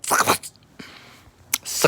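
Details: Female subject sneezing again, repeatedly: several short, sharp, hissing nasal bursts in quick succession with a snuffle between them; repeated sneezing.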